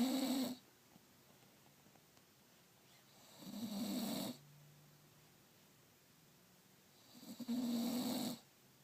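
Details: Sleeping bulldog: three loud rattling snores, roughly 16 a minute, with quiet pauses between them; snoring.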